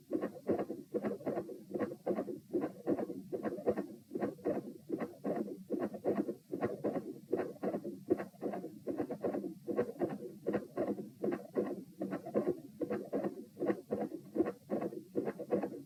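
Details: Heart sounds recorded standing, at position p, after propranolol; regular rhythm near 76 per minute with both first and second heart sounds split into close double components: fixed splitting of S1 and S2.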